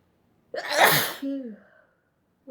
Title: Fit of The Sneezes - highly allergic to DUST!